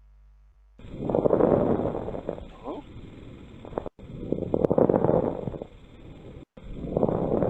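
Simulated breath sounds with fine, scratchy crackling during each inspiration: dry inspiratory crackles typical of pulmonary fibrosis.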